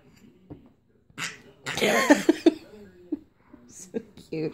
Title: Fake sneezes are just so funny!